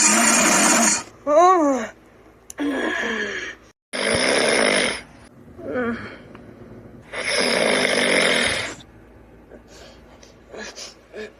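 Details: Loud, harsh snores with whistling and squeaky sounds between them, repeating every few seconds, from a sleeping dragon outside; loud snoring.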